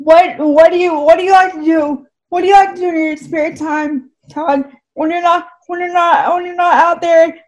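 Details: Dysarthria from cerebral palsy in a woman who says her speech is clearly affected by the condition.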